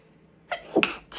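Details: Short intake then a quick, partly held-back sneeze with the start of another, triggered by chhinkni (sneezing powder) while relaxing; stifled sneezes.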